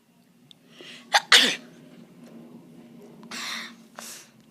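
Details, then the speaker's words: A child's first video: a quick catching breath, then one sharp explosive sneeze, followed by a softer breathy burst; sneezing. "guys, I just want to make a video because it's my first time making a video. So, I think I got to sneeze."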